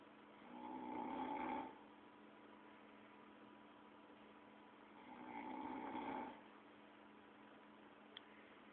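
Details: Man snoring.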